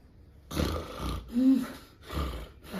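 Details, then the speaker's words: Adult husband snoring during sleep; his wife noticed brief breathing pauses while he snores. Loud, rough, rattling snores repeat in quick succession, one with a low fluttering tone, after a quiet start. Heavy snoring. "いびきをかくのはこんな感じです"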